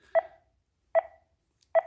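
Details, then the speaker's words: Short regular electronic beeps about every 0.8 seconds from a ZOLL M2 monitor during transcutaneous pacing at a set rate of 76/min with capture at 56 mA, for sinus bradycardia at 40 bpm, apparently on a simulator. "we are now facing our patient as you can see at the top we are pacing at 76 at the rate that we set"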